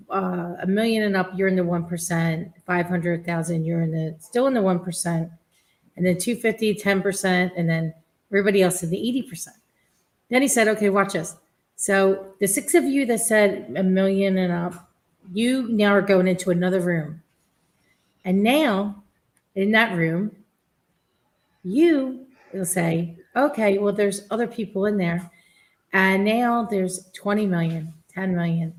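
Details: Adult woman speaking; typical speech.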